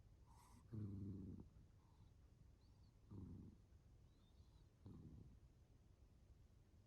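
Three low, rumbling snores about two seconds apart, roughly 30 breaths a minute, in a quiet room: ordinary snoring.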